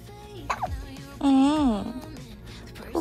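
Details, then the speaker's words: 12-day-old newborn giving brief sharp hiccups, about three in three seconds, over background music; hiccups occur 3–4 times a day and are described as a natural phenomenon. "จึงสะอึกบ่อยครั้งเขามีอาการสะอึกวันละ3-4ครั้งแต่เขาบอกว่ามันเป็นปรากฏการณ์ทางธรรมชาติ!"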